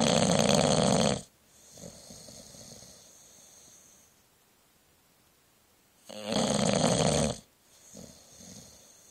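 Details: Loud, harsh, rattling snores on the in-breath with quieter snuffling out-breaths, about two breath cycles in nine seconds, from a sleeping bulldog recorded by phone about 30 cm away; snoring.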